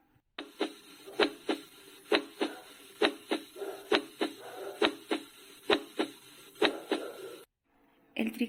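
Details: Normal heart sounds auscultated over the pulmonary focus in a cardiac auscultation tutorial: regular paired lub-dub beats at about 67 a minute, crisp and even with no extra sounds.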